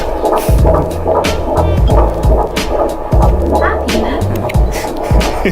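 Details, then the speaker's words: Fetal heartbeat heard on handheld Doppler at the third prenatal midwife visit: rapid rhythmic whooshing throbs over a steady low hum. "and well we got to hear the heart beat again they would quick visit but it's fun"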